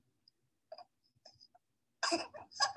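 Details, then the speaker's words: Laryngomalacia stridor in a tiny infant about two or three months old: grunting, snore-like noisy breathing with high-pitched squeaky sounds in between. "Thomas Schrepfer: it's like the he started out with the granting almost like a snore confessing granting Center and then in between, he has a high pitch squeaky sounds."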